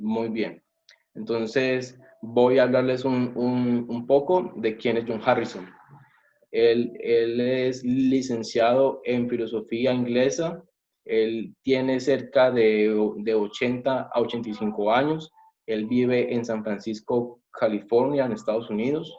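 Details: Adult male, self-described person who stutters, speaking Spanish; stuttering.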